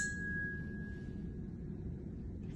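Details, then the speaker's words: Tuning fork for a Rinne test during an ear exam, after a Weber test; placed on the mastoid bone behind the ear, with air conduction greater than bone conduction. A faint, steady high ring fading over about two seconds. "So, basically, I'm going to do the same ringing, but I'm going to put it on the back of your ear. Let me know when you can hear it and when it stops."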